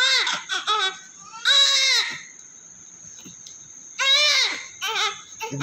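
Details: Newborn male baby delivered by LSCS (caesarean) from breech, being cleaned of vernix and clots: loud, high-pitched crying in repeated bursts with pauses for breath; a strong, vigorous newborn cry.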